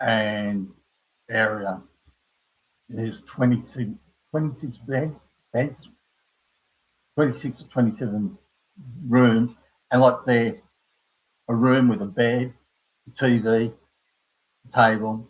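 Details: Aphasia in an adult man after a stroke at age 58 caused by a blood clot from the heart, following a severe heart attack and quadruple bypass; he knows what he wants to say but cannot find the words.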